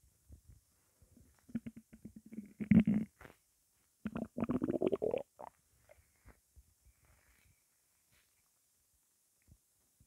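Low gurgling and rumbling from the belly in two main bouts, then quiet. These are normal hunger rumbles from an empty stomach.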